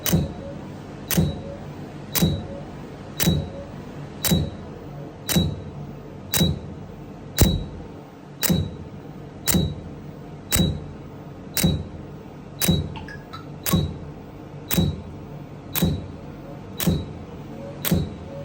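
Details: Laser hair removal treatment: sharp, evenly spaced clicks about once a second, roughly 57 a minute, over a low hum as the device fires pulses.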